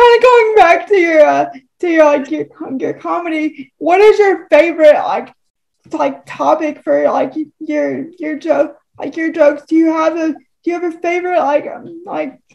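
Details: Adult woman with cerebral palsy who uses a wheelchair; dysarthria due to cerebral palsy.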